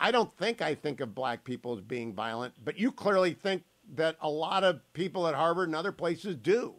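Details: Adult male speaker; normal speech.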